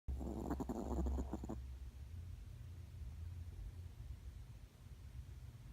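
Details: 5-year-old female Yorkshire Terrier: one deep, rattling snore at the start, then a low rumble of background noise; loud snoring.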